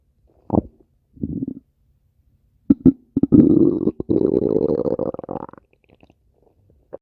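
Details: Several growling rumbles from a person's stomach, the longest a drawn-out gurgle rising in pitch at the end; stomach growling, normal bowel sounds (borborygmi).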